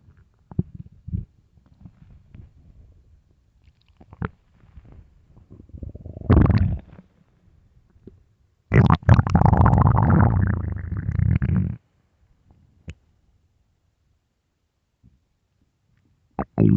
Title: best loud empty hungry stomach growls